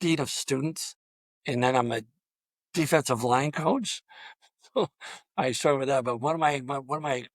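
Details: Adult male high school football coach with long-standing stuttering throughout a coaching career of over 34 years; stuttering.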